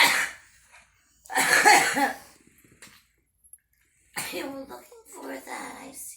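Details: Girl smoking and drinking, coughing: a burst of harsh, wet coughing followed by rough, throaty coughs and breathy sounds.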